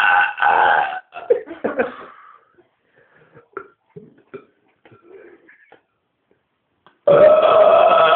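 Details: Repeated burping from a man after kebab and cola: two long, loud belches open and close the clip, with quieter sounds between.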